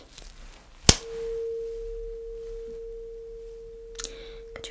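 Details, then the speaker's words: Sharp strike then steady pure mid-pitched hum from a tuning fork placed behind the ears in a simulated ASMR cranial nerve hearing test. "And for that, I'm going to use this beautiful tuning fork. Mhm. Are you ready to start? Okay, awesome. I will place it behind your ears."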